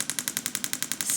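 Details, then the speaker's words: Rapid, steady sharp clicks, about eleven a second, from a radial shockwave (pulse wave) applicator moved slowly over the wrist's carpal tunnel and flexor retinaculum to treat carpal tunnel syndrome. "so this is going to make a clicking noise during the treatment and so here we want to move very slowly through the treatment area to affect the tissues involved"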